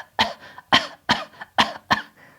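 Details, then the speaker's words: Adult woman imitating a dry cough for teaching: five short, sharp throat coughs with no rattle or wet sound. "the other type of cough you might have is a dry cough which is when you can't hear any liquid it's just like a a cough in the throat like"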